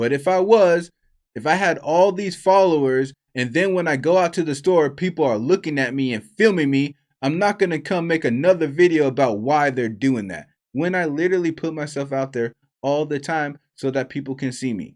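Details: Adult male speaker; Normal fluent speech.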